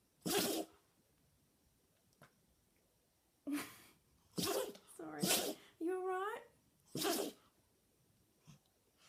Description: Funny Sneezing puppy!